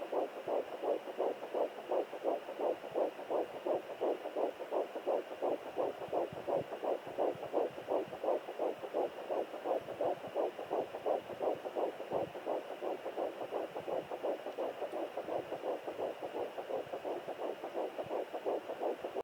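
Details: Fetal heartbeat on a home Doppler at 9 weeks 2 days of pregnancy: fast, regular whooshing pulses at about 170 beats per minute. The heartbeat was first found at 8 weeks 7 days.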